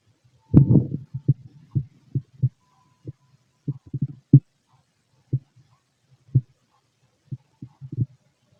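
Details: Empty-stomach bowel sounds (borborygmi): irregular low gurgles and rumbles in a quiet room, with one longer rumbling burst at the start.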